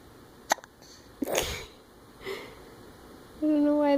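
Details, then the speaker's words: Infant with hiccups, smiling, having trouble sleeping before a nap: two brief, sharp hiccup sounds with a soft breath between them. "Do you have the hiccups? There's a smile. Are they gone? No. It's hard to sleep when you have the hiccups, isn't it?"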